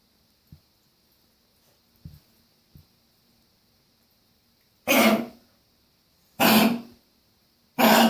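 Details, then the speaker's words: A female dog, foaming and trying to spit something out as if something is stuck, gives a few soft huffs, then three loud, harsh, honking coughs, like retching to clear the throat. "So she's foaming and trying to spit something out or something, like something stuck."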